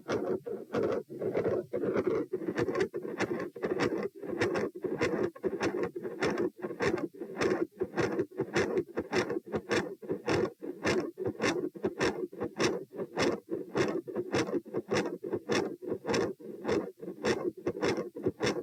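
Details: Heart recorded at position P as patient moves supine to standing, rate rising 78 to 102 bpm: regular beats with a rushing mid-systolic murmur filling gaps, brief continuous murmur and S2 murmur, changing with posture.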